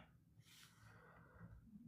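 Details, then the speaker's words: A cat gives loud snoring, low rumbling nasal breaths with a brief hissing airflow in the middle, in a quiet room. "Can you guys hear the cat snoring? Cat's snoring pretty loud."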